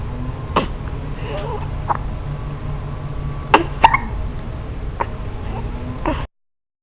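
About six short, sharp hiccups in six seconds, irregularly spaced, over a steady low background hum.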